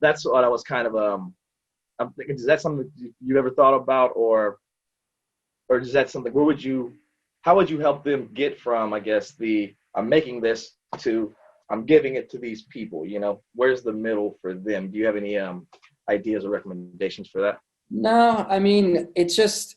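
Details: Adult male speaker, possibly a second voice replying at the end; normal conversational speech.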